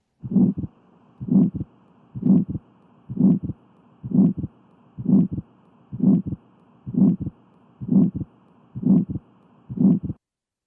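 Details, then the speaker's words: Pulmonic stenosis murmur: regular heartbeat near 64 per minute with a harsh systolic murmur filling each beat, said to sound much like aortic stenosis but heard at a different site. "I do have a murmur that reflects the sound of pulmonic stenosis. I would submit for those of you listening, this sounds a lot like aortic stenosis."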